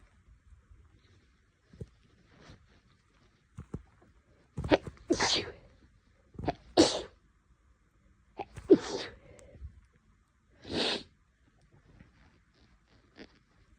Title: Girl sneezing 16